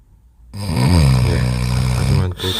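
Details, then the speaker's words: Extremely loud, deep, rumbling snore lasting nearly two seconds with a brief break before resuming, from a man in deep sleep, growing louder; heavy snoring. "점점 소리 가 커지고 있어 요 . 소리 가 훨씬 더 커질 겁 니다 ."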